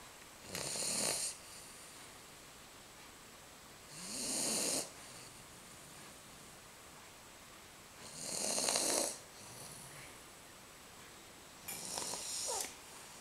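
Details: Four loud, breathy, rasping snores about every four seconds, roughly 16 a minute, with quiet pauses between, from a 10-week-old American Bulldog puppy in deep sleep after a walk; snoring.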